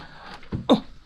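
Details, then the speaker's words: Young girl with a persistent cough, worse at night, possibly from cold mist or dust, improved earlier on medicine; two brief cough bursts, the second louder and voiced. "ഡോക്ടറെ കാണാൻ പോകാം. ഓ നിനക്ക് ഭയങ്കര ചുമയാണെന്ന് പറ."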